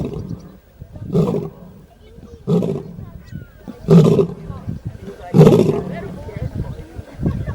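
Deep, rumbling snores from a sleeping lion, about four in seven seconds, with quieter breathing between them.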